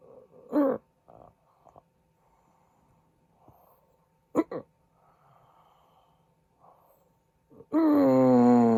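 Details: Adult man snoring in his sleep, with short snorting snores separated by quiet gaps of a few seconds where his breathing stops, fitting possible sleep apnea.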